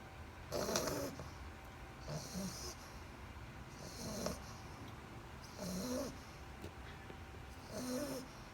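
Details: Two-month-old English Bulldog puppy snoring while asleep: loud, rattling snores with a snorting edge, about five breaths in eight seconds.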